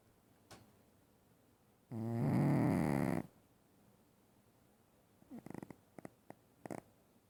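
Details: Sleeping pet snoring very loudly: one loud, rattling, low snore lasting over a second, followed by quiet snuffles and clicks.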